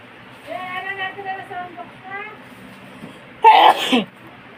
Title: Sneezing and pretty feet.